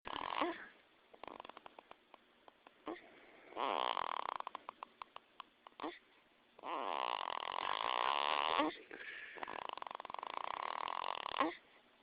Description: baby boy sleeping so good he's snoring